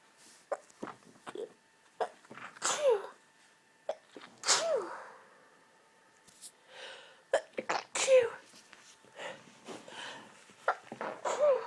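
Repeated sneezes in close succession, several bursts with sharp inhaled catches between them, in a quiet room. Bouts of sneezing.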